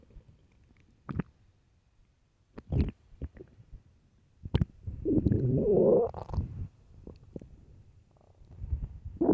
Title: satisfying loud hungry stomach growls (starving)